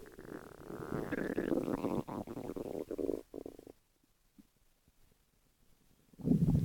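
Long low gurgling rumble, then near silence, then another growl starts; ordinary stomach growling from gas and fluid moving through the gut.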